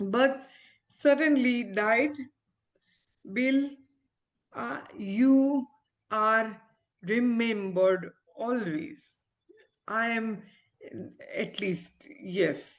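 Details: Aphasia after stroke in an adult woman, an ophthalmologist, who had the stroke after delivering twins seven years ago; recovering speech with speech-language pathologists, communication still hinders her.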